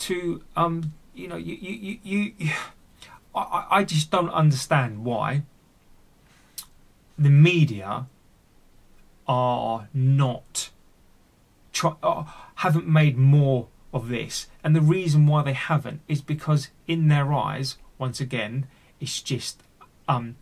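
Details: Adult male who stammers and has had speech therapy, with word and part-word repetitions left unedited; stuttering.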